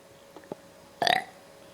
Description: This 3 year old boy can burp at will!!